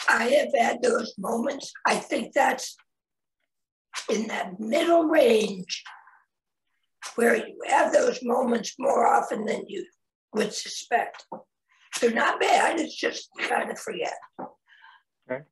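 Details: Adult man, 25 years after total laryngectomy for head and neck cancer in 1996 at age 41, with primary tracheoesophageal puncture and secondary prosthesis placement; tracheoesophageal speech after total laryngectomy.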